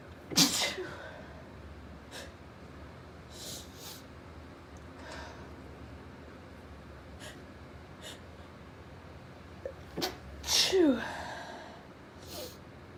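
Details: Female with a sneezing fit of unknown cause: several sharp sneezes with quick breaths between them and a clustered double sneeze near the end.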